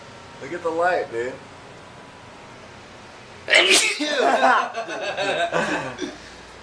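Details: Drunk man sneezing repeatedly during an allergy attack at 3 am.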